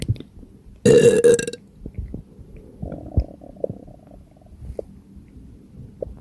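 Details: Person with an extremely gassy, upset stomach (diarrhea noted): one loud, drawn-out burp, then softer gurgling belches and swallowing sounds, with faint background music; repeated belching.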